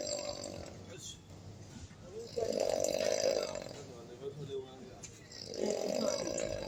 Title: Deep Sleepers snoring